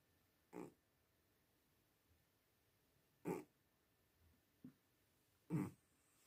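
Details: Three loud, short, snorting snores at irregular intervals, with a fainter one between, in a quiet room from a sleeping cat; ordinary snoring.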